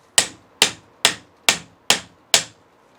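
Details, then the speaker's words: Six sharp, ringing surgical mallet strikes about half a second apart on a cannulated impactor attached to the insertion instrument, driving an intramedullary ankle arthrodesis (fusion) nail home after manual insertion meets resistance. "cuando ya vemos resistencia podemos introducir un impactor que es canulado que se adapta a la al instrumento de inserción y podemos darle unos martillos martillazos o golpes secos"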